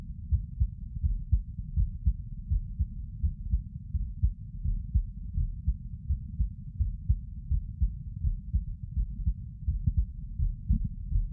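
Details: Steady low heartbeat thumps at about 83 a minute over a constant low rumble, recorded sitting; normal heart sounds.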